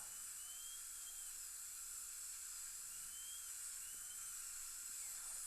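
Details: Dental drill with continuous high-pitched whine, pitch dipping slightly as it cuts denture material during repair of a broken upper all-on-4 fixed implant-supported prosthesis; dental drill cutting.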